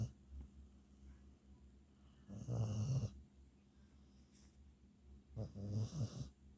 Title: Snoring hunter the beagle